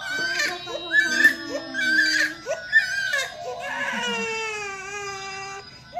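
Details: Loud, high, wailing infant cries with sobbing catches from a baby boy crying in pain right after a vaccination injection, with polio drops given afterwards.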